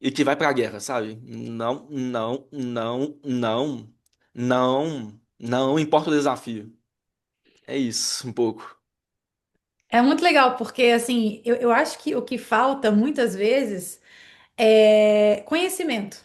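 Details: Stuttering in an adult Portuguese-speaking man who identifies as a person who stutters, with word and phrase repetitions.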